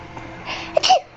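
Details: Baby's sneeze: a brief, breathy build-up followed by a small, sharp sneeze, an ordinary infant sneeze.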